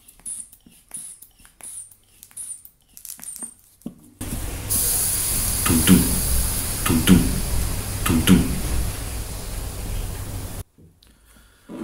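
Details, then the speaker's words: Self-produced imitation of Korotkoff sounds during self-measurement of arm blood pressure with a manual aneroid sphygmomanometer and stethoscope: steady hiss with three or four regular soft thumps about a second apart as the cuff deflates. "je n'ai pas réussi à capter dans ses écouteurs bluetooth ce qu'on l'entend avec ses oreilles quand on utilise les stéthoscopes donc je vais vous faire une reconstitution avec un son que je produis moi même"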